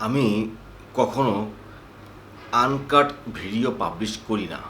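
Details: Adult man with stuttering, which he says is worse in natural Bengali speech and when speaking fast; he reports that techniques have helped him considerably. The clip has stuck moments and repeated words or sounds: stuttering.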